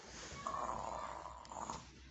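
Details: Sleeping infant snoring: a rough, rattling breath lasting about a second, then a shorter one.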